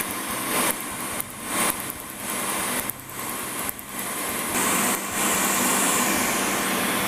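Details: Laser firing during the second session of colour tattoo removal (PicoSure test spot earlier, Nd:YAG mentioned): rapid steady clicking pulses over constant hiss and motor hum, described as very quick but very painful.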